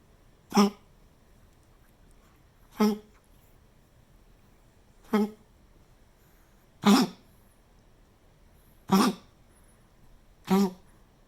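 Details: Pomeranian with kennel cough, vet-treated, recovered after three weeks of coughing: six harsh, honking coughs at regular intervals; kennel cough.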